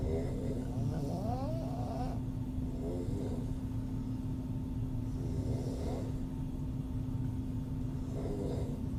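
Repeated rattling, fluttering inhalations about every 2–3 seconds over a steady hum of room noise; open-mouth snoring.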